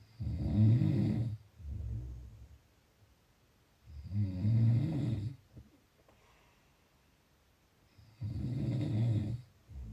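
Loud, rough, low snores on the in-breath, roughly 15 breaths a minute, with quiet out-breaths between them.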